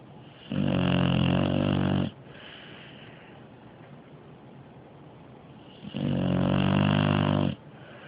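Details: Dog snoring very loudly while asleep: loud, long, buzzing snores on each inhalation, about one every five seconds, with quieter exhalations between.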